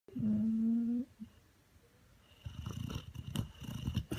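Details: Boxer dog named Maximus snoring while sleeping.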